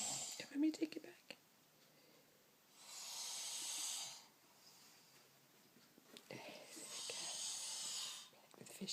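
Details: A father snoring in a quiet dark room: slow, breathy, rasping breaths about five seconds apart.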